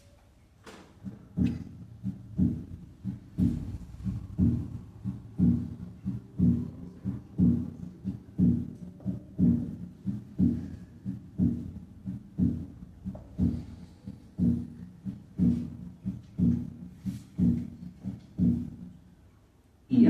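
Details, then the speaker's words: Persistent splitting of the second heart sound in a dog with filariasis, given as a common cause in dogs; 60 beats per minute, veterinary teaching recording. "la pilari Asis es una causa común de desdoblamiento persistente de s2 en el perro escuchemos primero a 60 latidos por minuto"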